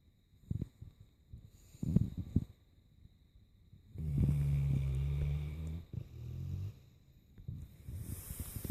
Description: Ozzy in a deep sleep snoring away